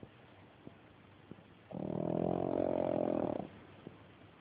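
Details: Pug named Layla snoring: a single drawn-out, vibrating, rumbling breath with faint clicks around it in a quiet room; snoring in a small flat-faced dog.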